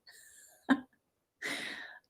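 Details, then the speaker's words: An adult imitates the cracking of normal neck crepitus with a mouth-made pop followed by a hissing crunch; a chiropractor called it normal, like grit going around. "ally says my neck keeps clicking our bones no it's just crepitus like mine crack when i do this it sounds like"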